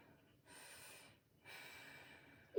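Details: Head-to-toe assessment, chest auscultation over bronchovesicular and other sites: lungs clear, no adventitious sounds such as crackles or wheezes. Finding: normal breath sounds.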